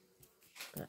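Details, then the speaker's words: Short, rough snorting breath noises from a sleeping dog, likened to an engine noise; snoring. "alors c'est pas un bruit de moteur que vous entendez c'est Sakura qui est en train de ronfler"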